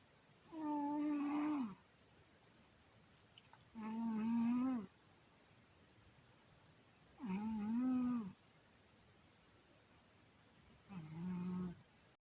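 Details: Cat sleeping soundly and snoring, owner thinks it may be dreaming: four soft, whistling, tonal snoring breaths spaced a few seconds apart in a quiet room.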